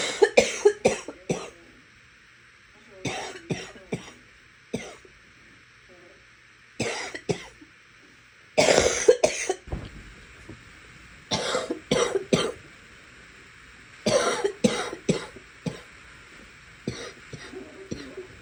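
Repeated bursts of coughing, about six clusters in eighteen seconds, some with throat clearing, quiet room between bouts.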